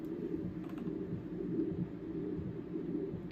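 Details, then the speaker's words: Main portal vein spectral Doppler on abdominal liver ultrasound, intercostal approach, fasting patient holding breath, angle kept near 60°: steady low continuous whooshing venous flow with gentle variation before velocity measurement. "We're going to take a velocity measurement of that. And that would be your main portal vein."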